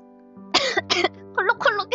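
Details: A few short, sharp coughs from a girl over soft background music during a live stream; a plain cough.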